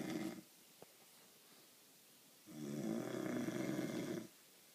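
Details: A person snoring: a long, rough, buzzing snore lasting nearly two seconds after a quiet pause; ordinary snoring.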